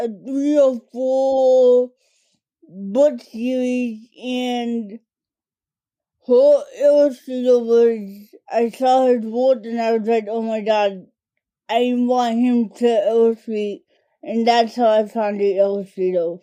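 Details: Adult woman diagnosed with cerebral palsy as a toddler, affecting mainly her speech and fine motor skills; dysarthria (cerebral palsy).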